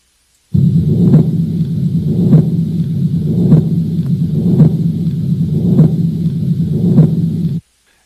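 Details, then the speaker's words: Patent ductus arteriosus, with aorta-to-pulmonary artery flow: continuous machine-like rumbling murmur through systole and diastole, swelling with each beat. "so it's a continuous murmur and it's described as machine light and I'll play you an example of it"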